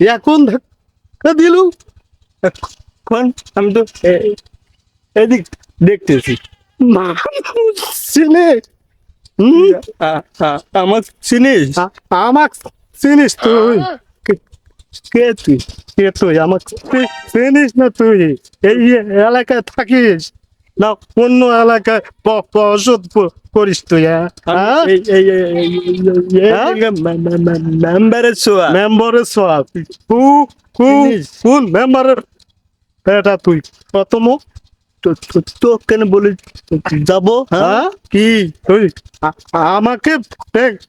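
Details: Acted stuttering: a Bengali comedy skit in which two actors play two people who stutter, bump into each other on the road, and argue.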